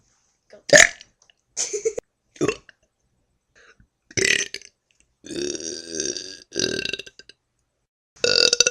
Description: lol my bestie doin burps :)